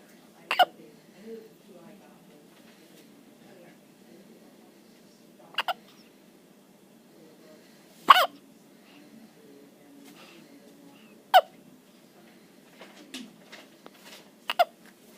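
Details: Hiccups in a girl: sharp, brief hiccup sounds at irregular intervals, about six in fifteen seconds, in a quiet room.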